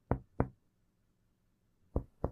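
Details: Hepatic dullness on percussion of the chest, recorded during a thoracic physical examination demonstration.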